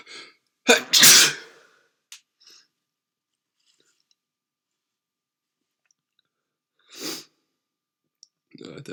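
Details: With a cold: a burst of sharp sneezes with short breaths between, then more sneezes after a pause; repeated sneezing.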